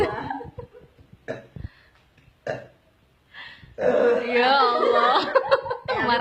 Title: Gassy lady burps nonstop while being massaged